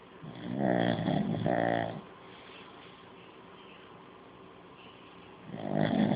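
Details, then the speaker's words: Old pug snoring very loudly while asleep: loud rattling snores on the in-breath, two close together, then another after a pause; snoring in a flat-faced dog. "Okay, my dog is out there snoring, and he's really loud, so we're gonna go get it on video."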